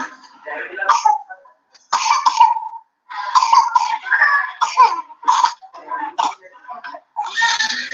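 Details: Young child with bronchial asthma in respiratory emergency gives a run of harsh coughs mixed with voiced whimpering; cough with difficulty breathing, reduced feeding, sleepless night, dullness and irritability: cough in asthmatic child.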